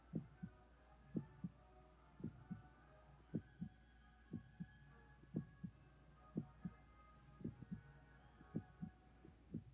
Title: Relaxing heartbeat sounds for easy sleep and relaxation